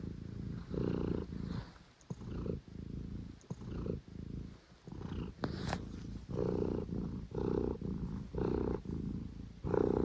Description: Stitch the cat got hiccups but it didn't stop him from purring loudly.